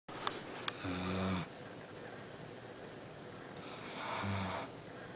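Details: Baloo snoring while asleep.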